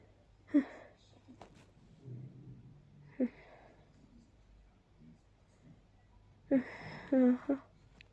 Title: *Trying* to hold back strong allergy sneezes